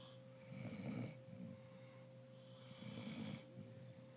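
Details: Snoring from the owner's beloved girl ('mi preciosa nena'): two rough, fluttering snores about every two and a half seconds over a steady electrical hum.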